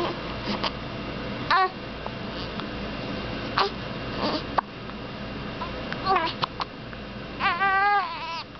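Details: A 3-week-old infant, in a recording titled as a hiccuping baby, gives brief fussing cries and whimpers with short pauses between, over steady room noise.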